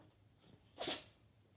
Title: Cat sneezing